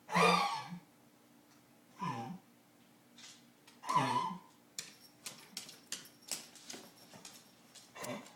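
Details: Bear coughing: three harsh, forceful huffing coughs a couple of seconds apart, then softer rhythmic breathy puffs.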